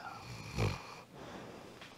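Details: Sleeping dog gives one loud, low, rumbling snore, likened to an excavator digging, then quieter breathing; snoring.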